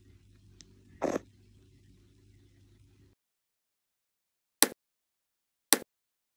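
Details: Pug sleeping, said to be dreaming: snoring and snorting noises; snoring and snorting.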